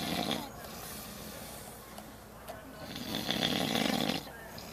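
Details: Adult man asleep in a tent while camping, after daytime drinking, snoring: rough, rattling breathing with outdoor background noise.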